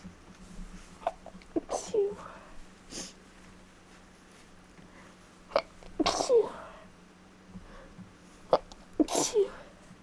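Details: Allergic sneezing, more rapid than normal; the sneezer suspects they are getting sick. Three sneezes, each a quick in-breath then a sharp burst.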